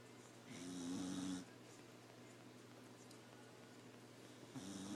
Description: Does your beagle snore? Ours does! Keeps us up at night.